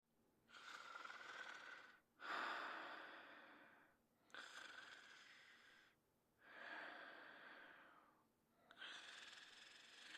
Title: Fafa's Greatest Adventures (1988-1989): Brandon Sleeping and Snoring